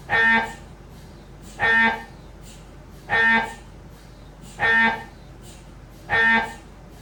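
Loud buzzing tonal bursts repeating about 40 times a minute, typical MRI gradient noise during a scan.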